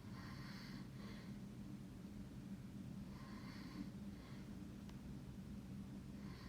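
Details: Soft, rhythmic breathing with faint snoring over a steady low background hum, from someone who claims not to snore; snoring.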